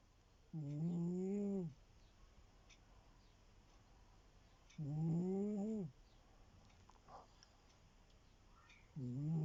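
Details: Sleeping cat snoring: rhythmic, tonal, rasping snores about a second long, roughly 14 a minute; ordinary sleep snoring.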